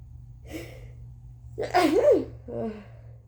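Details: Day 2 or 3 of a bad cold, very congested: a long breathy buildup breaks into one loud sneeze, then a softer follow-up sound; congested sneezing.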